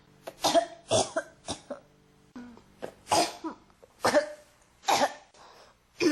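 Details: Repeated short, harsh coughs in clusters, roughly ten over six seconds, with brief pauses and faint background hum; persistent cough.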